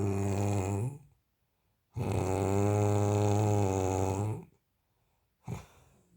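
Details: Sleeping person snoring: two long, deep, rumbling voiced snores on breathing in, separated by quiet pauses, with a softer breath at the end.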